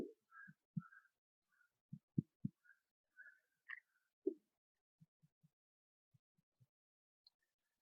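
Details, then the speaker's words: Respiratory examination demonstration, finger percussion with pleximeter over the supraclavicular, clavicle and infraclavicular regions: short hollow taps giving a resonant note, normal over air-filled lung. "Infra clavicular [संगीत] reason normal lungs area पर resonance note आपको मिलेगी"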